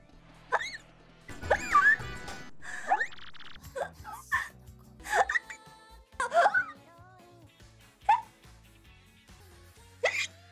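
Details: Several short, abrupt voiced catches at irregular spacing, including a double, over background music; hiccups.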